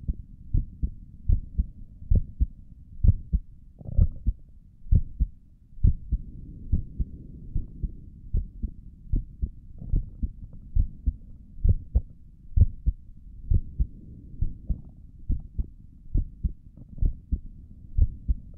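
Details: Self-recorded resting heartbeat, apparently through a stethoscope on the chest: steady, soft low thumps at about 65 beats a minute over a faint hum, with stomach gurgles noted during the recording; a normal, regular heartbeat.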